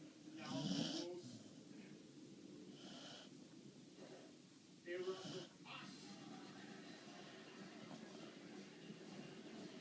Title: Bailey the corgi - snoring 2